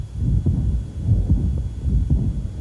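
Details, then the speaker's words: Chronic severe aortic regurgitation heard at the apex: muffled, low heart sounds with a soft murmur that peaks at the onset of the second sound and decays. "a murmur that is peak intensity at onset of the second sand and decays"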